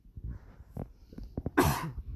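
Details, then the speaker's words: Adult coughing while narrating: a few soft throat sounds, then one loud, harsh cough burst. "really don't like that I'm coughing because it makes this sound awful"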